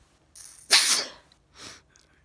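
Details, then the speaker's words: A sneeze that had been building all day, recorded at bedtime: a quick inward breath, then one sharp explosive sneeze and a softer exhale afterward. "this is uh i'll talk in a minute that sneeze has been coming on all day"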